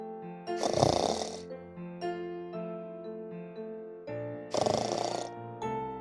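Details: Grandmother snoring: two loud, rough breathing bursts about four seconds apart over steady background music.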